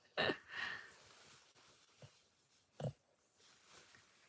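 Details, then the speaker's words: Loud snoring from a dog named Clover: irregular snorting, wheezy breath noises in a quiet room. "What's that noise? It's my dog snoring. My dog is snoring."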